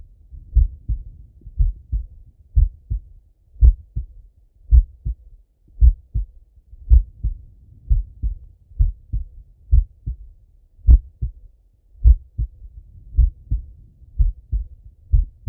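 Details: Male heartbeat on auscultation: steady slow lub-dub, about 55 beats a minute, two clean sounds per beat; normal heart sounds, slow rate.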